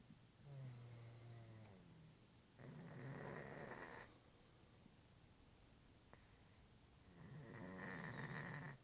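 Soft rhythmic snoring from a cat, a buzzing breath in followed by a hissy breath out, repeating in slow cycles.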